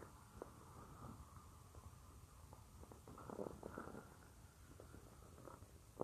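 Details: Female's stomach growling while she works at a computer, heard with the listener lying on her abdomen: soft low gurgles and brief squeaky rumbles over quiet room hum, normal bowel sounds (borborygmi).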